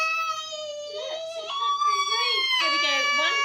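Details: Young girl about to start nursery crying during her two routine vaccine injections at the GP: rising, wailing, distressed cry with sobbing breaks.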